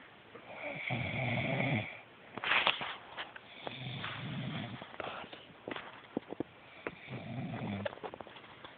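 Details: Rough, rattling snores on inspiration with soft clicks and snorts between them; a man snoring in ordinary sleep, recorded as proof that he snores.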